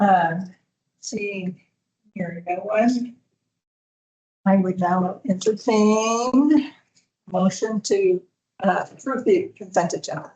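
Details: Adult woman speaking; Normal speech.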